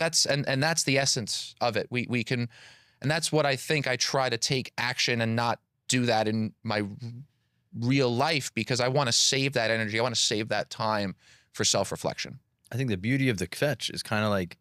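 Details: Adult man with stuttering, a PhD engineer and public speaker who has stuttered since childhood; audible repetitions of words and phrases.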